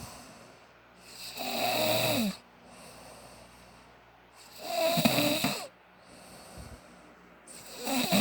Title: Snore pa more